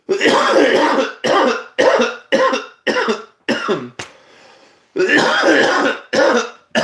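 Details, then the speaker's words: Loud, harsh coughs in a rapid run of about eight bursts with one brief pause, from a man described as coughing powerfully and constantly. "You hear how loud he coughs? That's strong lungs right there to project such a powerful, constant cough."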